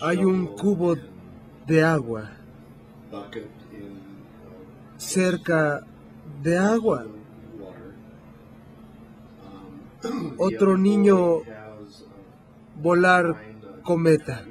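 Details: Right-handed 57-year-old man with nonfluent primary progressive aphasia, symptom onset two years before recording, describing a picture, with omitted articles and pronouns, misused verbs, no evident apraxia of speech; agrammatic speech in nonfluent primary progressive aphasia.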